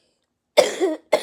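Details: A child who is sick with sniffles gives one short cough, followed by the start of a second.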